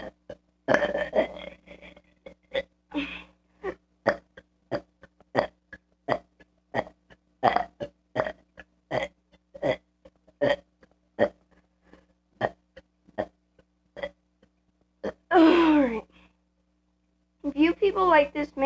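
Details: Kid burping repeatedly: a long run of about two dozen rapid, short, throaty burps, ending in a couple of longer drawn-out belches.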